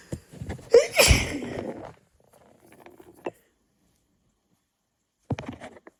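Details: Person with severe hay fever after cutting grass: one forceful sneeze followed by quieter sniffing and nasal sounds.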